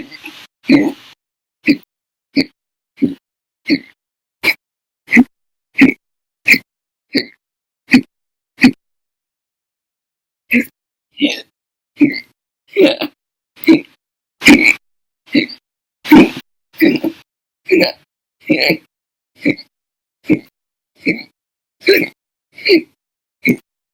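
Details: Adult with persistent hiccups, logged at 13 hours 34 minutes on one day and over 5 hours daily for a month: loud, sharp hiccups about every 0.7 seconds in a steady run, with one brief pause.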